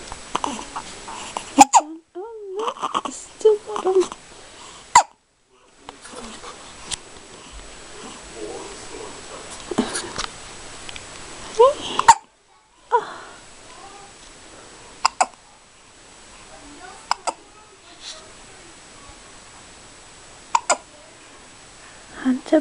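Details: Five-day-old newborn baby boy, wide awake after a big feed, with brief, sharp hiccups recurring every few seconds among soft baby noises and a quiet voice; newborn hiccups.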